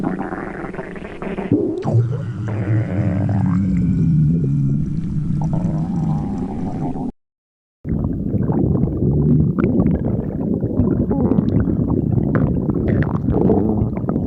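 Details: Stomach growling: low, drawn-out gurgling rumbles with bubbly fluctuations, broken by a brief silence.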